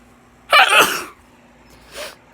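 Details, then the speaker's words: Repeated uncontrollable sneezing, four to five times in a row: one loud, explosive sneeze followed by a faint sniff or short breath, part of the sneezing run. "what I mean I just can't stop sneezing but yeah that's what's happening and it's kind of what's up now see like I just can't stop sneezing like at all those four times in a row"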